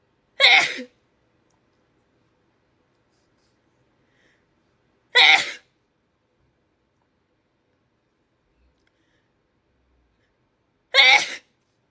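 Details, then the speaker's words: Female doing a self-administered Covid-19 nasal swab test, sneezing repeatedly: three sharp, explosive sneezes spaced several seconds apart, each a loud burst followed by quiet. "this isn't going well oh i've only sneezed about 20 more times okay maybe the other austral would be better luck"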